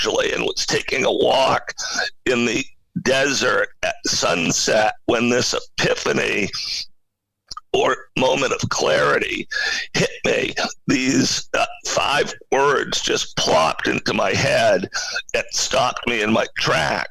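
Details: Adult male CEO with spasmodic dysphonia, a rare neurological voice disorder affecting only speech, of no known cause and with no known cure; acquired in 2010. Finding: spasmodic dysphonia.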